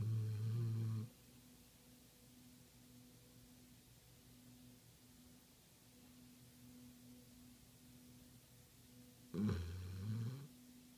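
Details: A pit pinscher dog, Lilly, sleeping with two loud, low, rattling snores about nine seconds apart over a quiet steady room hum.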